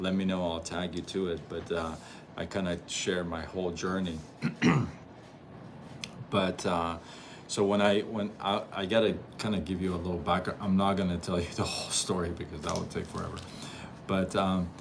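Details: Adult male with stuttering noticed around age six; from ages 13 to 24 he could barely speak, with chin shaking and gasping for air; now stutters once in a while; word and phrase repetitions; stuttering.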